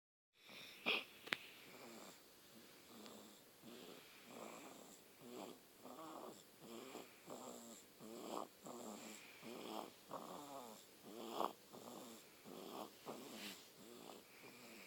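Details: Snoring during sleep: regular fluttering, whistly breath noises with each breathing cycle, about 24 a minute.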